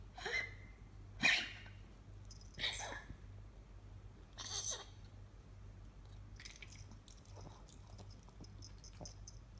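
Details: Nine-year-old 5.5 kg female miniature poodle diagnosed with congestive heart failure gives four short, harsh, breathy cough bursts in quick succession against steady room hum; excessive cardiac coughing.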